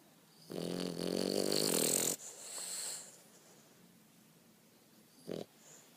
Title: Bulldog snoring